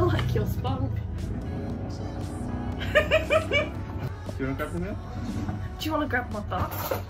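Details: Woman with Tourette syndrome speaking while baking; sudden out-of-context phrases appear to be vocal tics; vocal tics (Tourette syndrome).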